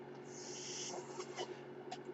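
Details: Steady low hum with a continuous airy hiss and faint clicks, from the speaker's own ventilator running during podcast speech: mechanical ventilator.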